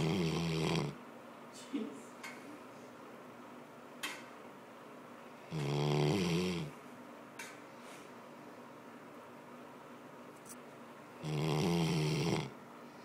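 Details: Three rumbling snores at regular intervals, about 10 breaths a minute, with quiet breathing and faint room noise between; snoring.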